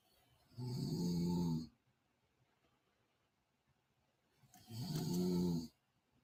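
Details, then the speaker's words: Two soft, low, rattling snores on inhaled breaths about four seconds apart, quiet between them, likened to a light purr; ordinary light snoring from a sleeping female. "You guys hear the snoring? It's like a light purr."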